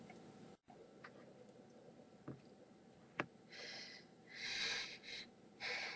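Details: Sneezing fit with some coughs: a few short, sharp sneeze-like bursts with faint puffs of breath over quiet room noise.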